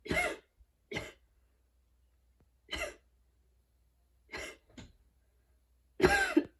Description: went for a run, freshy cut grass outside and i was really tired today all those things combined added this LONG fit a nice wheezy sound and length, hope you enjoy